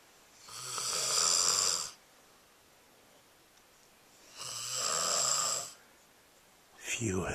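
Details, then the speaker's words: Loud snoring from a sleeping person, said to be too loud for heavy-duty earplugs: two long, harsh, fluttering breaths about four seconds apart with quiet gaps; snoring. "the snorosaurus in action I think that perhaps I will have to sleep elsewhere tonight I don't even think that the heavy-duty earplugs can calm the noise of the snorosaurus"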